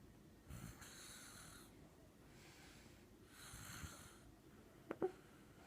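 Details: Little sister snoring during sleep: two soft, rasping snores on in-breaths with quiet gaps and a couple of faint clicks near the end; mild snoring.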